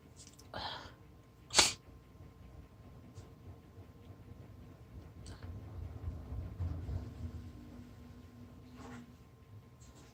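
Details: Person on day 2 of a sneezy cold, sneezing on purpose, recorded on an LG G6 phone: one sharp, loud sneeze after a short inhaled catch, then quiet sniffling; a single sneeze.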